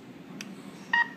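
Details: Faint short click, then one brief electronic beep from an SK-500I syringe pump key press while entering calibration mode for a 20 ml syringe.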